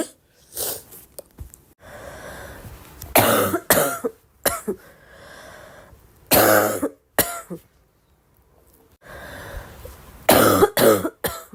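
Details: Girl coughing: repeated harsh coughs in short runs, about eight to ten, mixed with throat clearing, snorts and noisy breaths between them.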